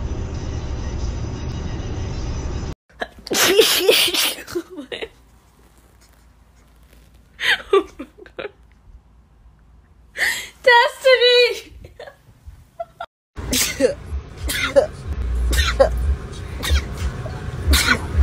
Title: female tiktok rapid sneeze compilation (1)